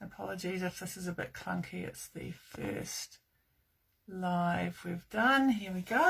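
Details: Adult woman speaking; Normal speech.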